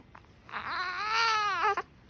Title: I don’t like the hiccups mommy